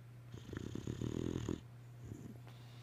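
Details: One rough, fluttering snore lasting just over a second over a steady low room hum, from a sleeping boxer dog: ordinary snoring.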